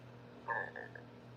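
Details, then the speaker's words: Single short, low, croaking voiced belch during a livestream, over a steady background hum: belching. "Sorry, y'all, I'm burping if y'all can hear it."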